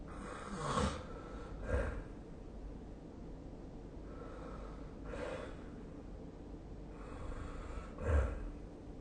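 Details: Noisy, snorting breathing from a sleeping adult with periodic loud snore bursts over quiet room hum: snoring.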